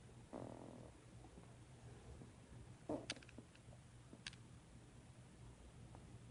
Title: my stomach is making noises